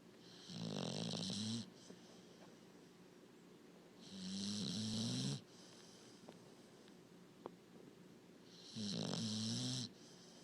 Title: Snoring puppy